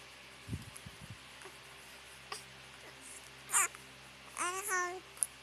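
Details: One brief, sharp infant sneeze in a quiet room, followed by short babbling and soft handling noises.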